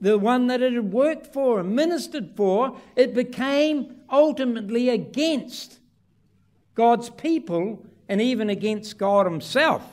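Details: Adult man speaking; typical speech.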